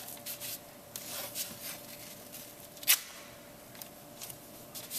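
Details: Soft rasping and tearing of athletic tape in a quiet room, with one sharp rip, as anchor strips and stirrups are applied in a basket weave ankle taping.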